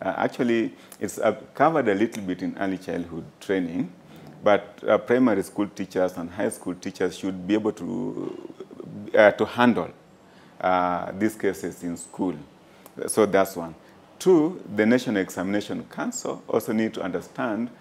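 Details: Adult male speaker; ordinary speech.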